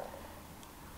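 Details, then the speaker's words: Stomach growling (borborygmi) heard while a woman does her makeup and talks about dieting; she notes it rumbled, asks if it was heard, and says it was caught on the recording and is embarrassing. "鳴っちゃった。聞こえました？やだ、取られた。恥ずかしい。"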